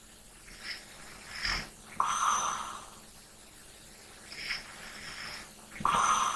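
Two rough, buzzing snores on inhalation, separated by quieter breathing, with faint room hiss. Ordinary sleep snoring.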